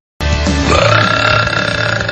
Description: Compilation burping